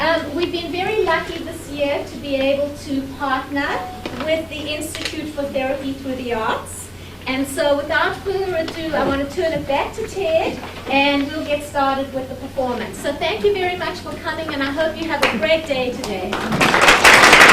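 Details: Adult woman; typical speech.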